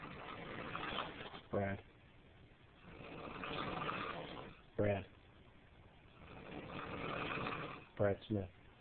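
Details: Adult male asleep in a hotel room at 1:15 a.m. in a snoring fit: regular loud snores, each a long rattling inhaled rasp then a short snort, about every three seconds (roughly 20 a minute).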